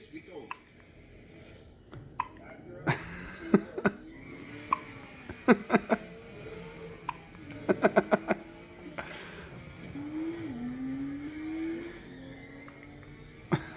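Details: A twin infant daughter hiccups repeatedly in short, sharp bursts, with soft vocal sounds between them; hiccups.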